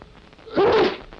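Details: A single short, breathy sneeze burst, from the 1945 public-health film on coughs and sneezes made for the Ministry of Health. Sneeze.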